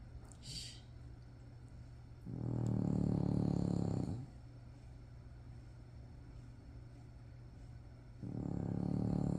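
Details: Sleeping French bulldog puppy: deep, buzzing snores lasting about two seconds, with quiet pauses between.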